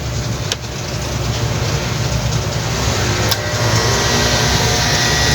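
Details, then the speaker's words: Rosmax nebulizer that fails to blow air, with its pump motor tested while plugged in; the motor is found stuck: steady low hum with a rattling buzz. "check na natin kung bakit ganon umaandar ba ng maayos yung motor niya yung pump motor niya saksak ko"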